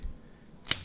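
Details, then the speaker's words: Chiropractic activator instrument click during treatment of a man's bilateral plantar fasciitis, used at the lower leg to send a quick impulse to the brain: a single sharp mechanical click from the spring-loaded instrument. "Another thing we're going to use the activator just to send a quick impulse to the brain. And with a quick impulse, your brain it it it reads it differently than just tapping."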